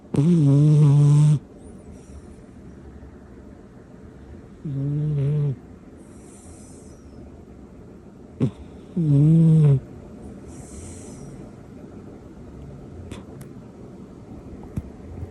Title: Snoring is only cute when a cat does it #shorts #cat